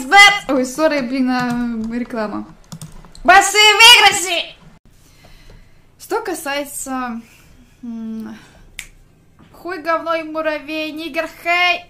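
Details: Female streamer presented as having Tourette syndrome; vocal tics with coprolalia.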